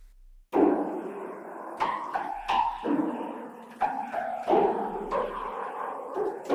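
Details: Simulation of a piano as heard through a cochlear implant two years after activation, by a user with one functional ear: buzzy, smeared, guitar-like note attacks with pitch only partly clear.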